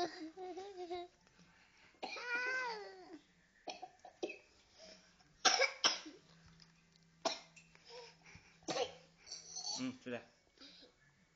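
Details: Young child coughing while drinking: several short, sharp coughing bursts mixed with brief vocal sounds and gulping.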